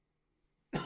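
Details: Chesty cough.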